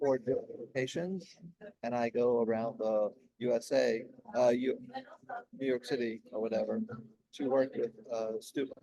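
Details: Adult man 16 years after a stroke during heart valve surgery, with post-stroke aphasia; he could say only one word for about a year at first and still has word-finding difficulty.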